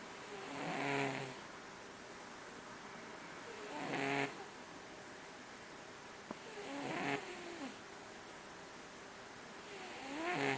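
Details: Regular soft, buzzing snores, about three every ten seconds, from a sleeping tomcat resting between mousing, in a quiet room; snoring.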